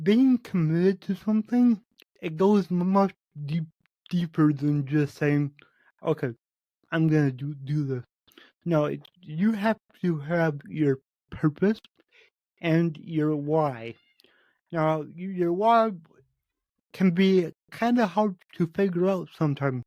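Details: Spontaneous speech from a male podcast host with cerebral palsy, which he says affects every muscle in his body; he reports his speech has improved since 8 months earlier as his health improved. Dysarthria (cerebral palsy).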